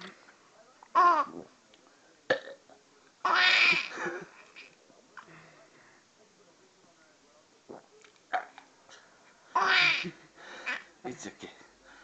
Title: Funniest Burps